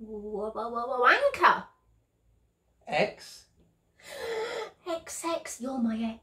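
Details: Woman with self-reported Tourette syndrome; tics triggered in response to spoken alphabet letters; vocal tics (Tourette syndrome).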